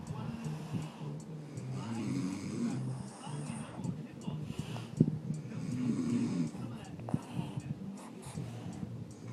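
Low rattling, snorting breath sounds in repeated cycles from a sleeping small dog, with some background noise; snoring.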